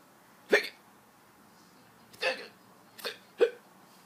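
Four short, sharp hiccup sounds from a baby at uneven intervals over about three seconds; ordinary infant hiccups, harmless.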